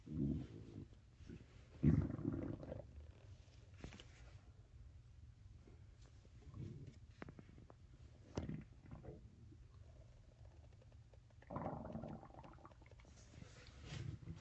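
Low, drawn-out gurgling rumbles come and go over quiet stretches, typical of ordinary stomach growling.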